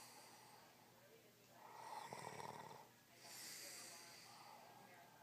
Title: Snore bitch snore